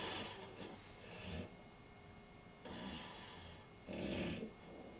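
Slow, rough, rattling breaths repeat every few seconds with quiet gaps between them, the sound of snoring.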